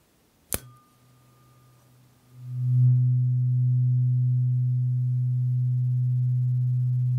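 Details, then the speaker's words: Role-played ASMR hearing test comparing lowest- and highest-frequency tuning forks in each ear, starting with the lowest: sharp strike then a steady, pure, low humming tone. "tuning Forks just play you the lowest frequency and the highest frequency and I'd like you to tell me if you hear a difference in how strongly they come through to those ears"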